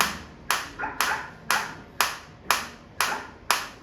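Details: Biotronix focused shockwave therapy applicator on the operator's own hand, frequency 120, intensity at minimum: sharp, regular clicking pulses from the applicator firing.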